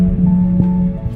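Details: LVAD pump hum from an adult man with congestive heart failure (diagnosed 2014) awaiting heart transplant.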